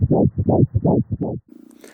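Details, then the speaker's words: Pulsed-wave Doppler mode during obstetric ultrasound: fast rhythmic whooshing pulses, roughly 160 per minute, from fetal blood flow; fetal heart Doppler sound. "Le troisième mode est le mode Doppler pulsé. Il permet d'entendre et de faire une analyse spectrale du flux. C'est grâce à ce mode-là que vous pouvez entendre ceci."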